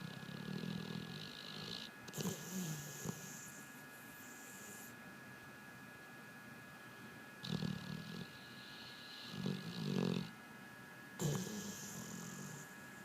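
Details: Pit bull dog snoring while asleep: soft low snuffling snores come and go over steady room hum, with brief louder snorts.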